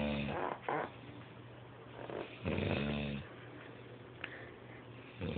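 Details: Person loudly snoring: repeated rough, rattling snorts and snores with snuffly breaths between, over a steady low hum.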